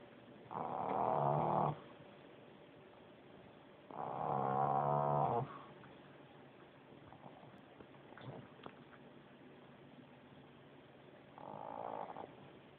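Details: Pug asleep in the dark with her eyes wide open, doing her usual snore: three long, rattling snores with quiet pauses between; snoring.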